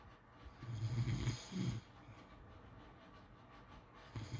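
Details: Snoring during sleep: a low, fluttering snore followed by a shorter second one, then quiet breathing and the start of another.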